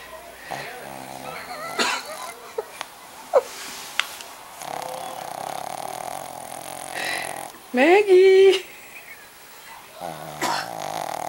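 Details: Sleeping small Shih Tzu dog making rough, snorting breath noises with a brief high whine partway through and faint room noise: noisy snoring.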